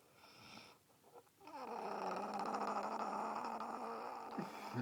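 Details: Adult woman asleep in bed: a loud, sustained rattling snore with a steady low buzzing tone, continuing through most of the breath.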